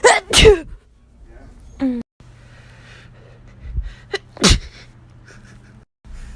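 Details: A child sneezes sharply, with another loud sneeze a few seconds later amid quiet room noise; ordinary sneezing.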